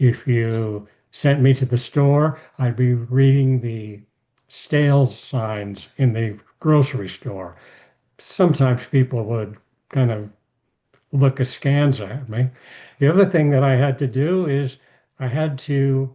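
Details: Aphasia in an adult male after a stroke; speech rebuilt through therapy from sounds to words to sentences.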